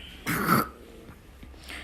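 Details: Single short, harsh hacking cough from a dog named Katkat, owner says it is sick, in a quiet room; cough.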